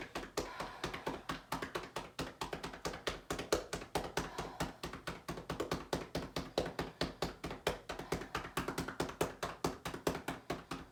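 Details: Adult with COVID-19 right-lung pneumonia, day 23, receiving chest percussion over the right lung by another person with postural drainage: steady hollow clapping about 140 a minute to loosen sputum.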